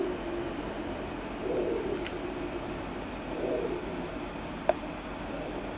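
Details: Fetal Doppler on a pregnant 2007 jungle boa, post-ovulation shed February 11, probe over the back half of the body: steady hiss with soft, slow whooshing pulses of the unborn snakes' heartbeats, about 45–65 bpm.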